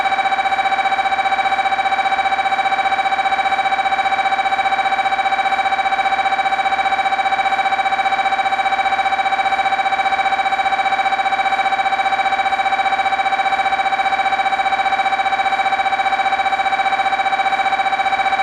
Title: "mri sounds" 2021